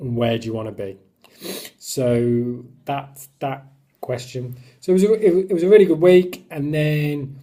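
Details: Male who stammers, speaking about his own stammer; stuttering.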